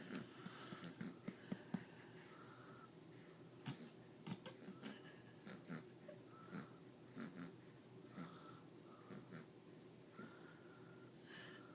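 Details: Artie, falling asleep while being burped, gives soft, irregular snoring with whistling breath sounds and small clicks over quiet room noise; snoring.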